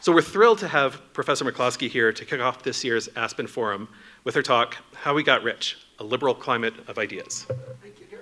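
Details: Adult male speaker; normal speech.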